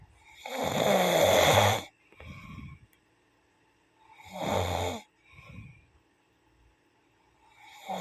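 Loud rattling snores on each inhale with a softer breath out, about every 3.5 seconds, roughly 17 breaths a minute; ordinary snoring.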